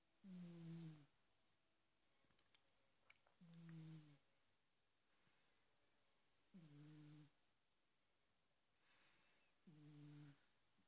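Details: Snoring from a sleeping large cat, recorded on a smartphone: low, tonal snores about every three seconds, roughly 19 a minute, over quiet room noise.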